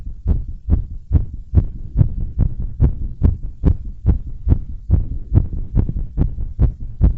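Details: Heartbeat recorded after bouncing around and blowing up a giant balloon: normal heart sounds with a rapid, pounding rate after exertion.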